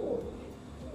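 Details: A low, hooting musical tone from a Tellyes auscultation simulator manikin lung case: a low-pitched wheeze (rhonchus), as in narrowed larger airways.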